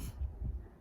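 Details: Fetal heartbeat on ultrasound at about three months of pregnancy: low, muffled whooshing pulses, too brief to count a rate.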